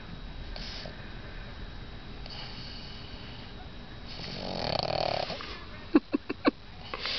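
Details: Pregnant female pug napping on a lap: rough, noisy snoring breaths with a few snorting snuffles near the end; snoring.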